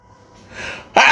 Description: sneezes are so funny and may have just invented a new way to sneeze during his live 😭💜